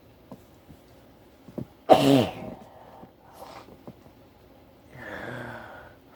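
Small sniffs and a catching breath build to one loud, explosive sneeze, followed by a softer breathy exhale.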